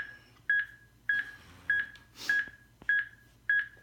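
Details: Steady, evenly spaced electronic beeps at about 100 a minute from an AED demonstrated on a person acting as test dummy, pacing CPR chest compressions between rhythm analyses.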